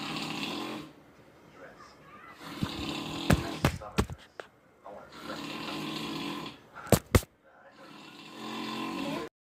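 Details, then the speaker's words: A father asleep and snoring: loud rasping snores alternating with sharp snorting bursts, several breaths in under ten seconds; heavy snoring. "Hey guys, this is me again, and this is my dad. He's like to snore a lot."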